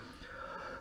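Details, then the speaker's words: Adult in Canada with lingering RSV infection and thick lung secretions for months: a brief steady hissing, musical wheeze on an in-breath, heard after coughing to clear secretions. "um I don't know how to say that in English like is like a um uh well I I don't know like a vibration or something like this"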